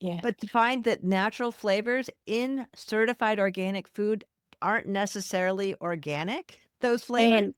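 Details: Adult woman speaking; ordinary speech.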